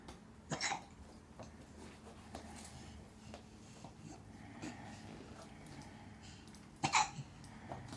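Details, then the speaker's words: Almost 1-year-old baby, active and moving about, with two brief, sharp hiccup sounds about six seconds apart over faint room noise: infant hiccups. "do you have hiccups?"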